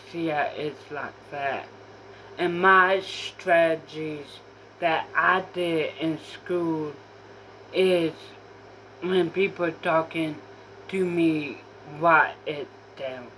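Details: Apraxia of speech in a female speaker who says she has apraxia.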